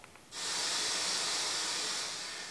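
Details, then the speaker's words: Steady, even hiss of white noise heard through earphones during forest walks, resembling wind in trees, used as continuous sound therapy to ease tinnitus. "en fait ils écoutent des bruits blanc pendant qu'il fait des balades en forêt"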